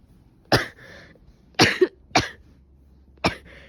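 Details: Four short, sharp, dry adult coughs, each followed by a breathy intake, in a quiet room, from a person who probably caught a cold, with stuffy nose, sneezing, severe headache and fever.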